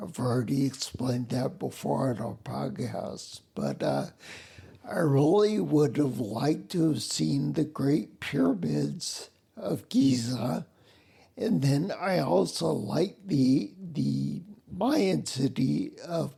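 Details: Ataxic dysarthria in a male military retiree with spinocerebellar ataxia, a rare neuromuscular disease, also with mobility and balance problems; slurring began while working as a security guard, sounds drunk, and makes phone conversations difficult.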